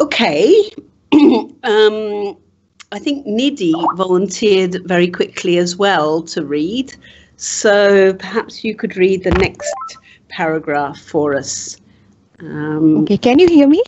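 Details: Adult woman speaking; typical speech.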